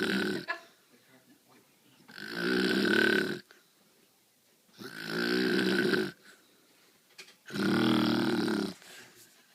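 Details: Mother deeply asleep after starting a new job, snoring heard from upstairs: three long, loud rattling snores on the in-breath, about one every three seconds, with quiet pauses; snoring during sleep.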